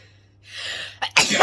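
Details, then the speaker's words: Pepper-induced sneeze before bed by a woman clearing her sinuses: a rising breathy intake, then one big sharp explosive burst. "i love that tickle like just as it starts and you can just feel it's like creeping up your nose and you know that it's that it's gonna come but you don't know when"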